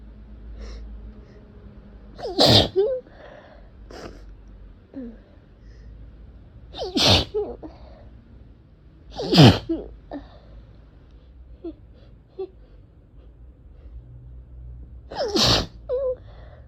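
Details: Four explosive sneezes in about 16 seconds, each preceded by a sharp intake of breath, with sniffs between, in a person with a cat allergy causing a sore throat, eyes barely opening and nose tickling; allergic rhinitis.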